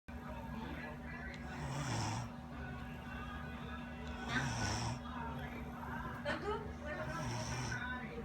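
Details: Snoring during sleep: repeated rough, rattling breaths at about 23 a minute, somewhat uneven, with steady room hum.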